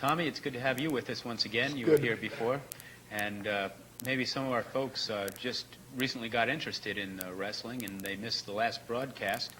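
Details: Adult male interviewer; Normal speech.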